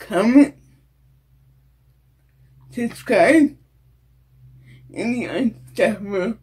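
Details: Adult woman with cerebral palsy and a disability; no specific speech disorder named.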